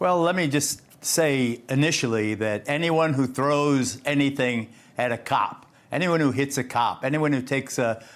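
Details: Adult male speaker; typical voice.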